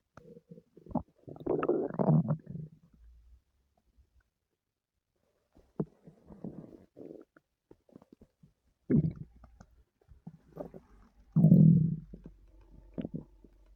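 Low gurgling rumbles and squelches in bursts with quiet gaps: active stomach growling, or borborygmi.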